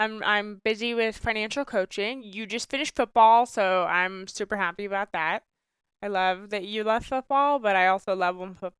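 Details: Adult woman speaking; normal speech.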